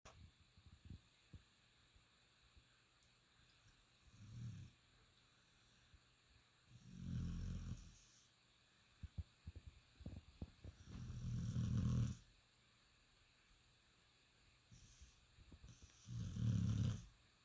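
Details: Deep, rumbling snores likened to an old man's, about 13 a minute with quiet gaps, some longer and louder, with faint clicks between; snoring in sleep.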